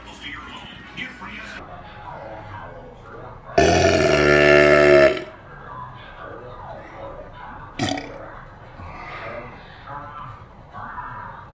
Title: Burping slo mo (Vlog #67)